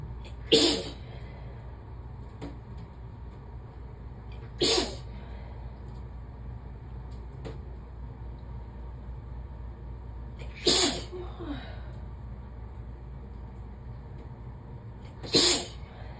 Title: Shower sneezes